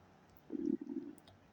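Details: Self-recorded gut gurgling during a digestive cleanse, a low bubbling gurgle in two quick bursts under a second against quiet room noise; the person is unsure whether it is bowel movement or gas: audible bowel sounds (borborygmi).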